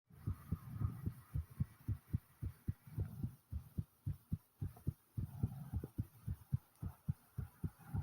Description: I recorded my heartbeat after i had just got back from the store and boy is it pounding hard